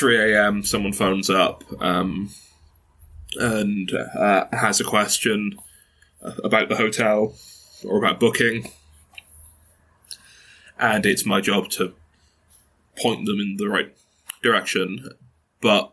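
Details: Stuttering in a 22-year-old man who has stuttered since early childhood, with blocks and repetitions; his mother also stutters.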